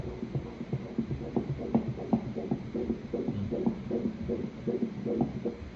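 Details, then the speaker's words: Fetal heartbeat on ultrasound Doppler at a pregnancy of just over 4 months: fast, regular whooshing pulses at about 158 per minute over a low hum. "อ่าขอวัดก่อนแป๊บนึงเดี๋ให้ตัดหน่อยฟังเสียงหัวใจครับ"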